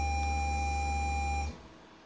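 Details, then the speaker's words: Homemade Arduino baby breathing monitor set to mode four; after about 10 seconds without detected movement it sounds a steady high alarm tone over a low buzzing vibration motor, then both stop: an infant apnea monitor alarm. "so if it's left alone for about 10 seconds then it'll sound the alarm and vibrate the motor"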